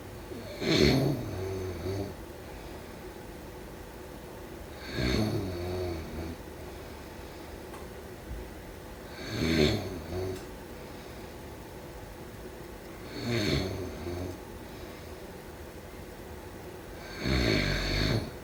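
Regular rough, rattling snores on each breath in, about 14 a minute, with quiet pauses between; typical sleep snoring.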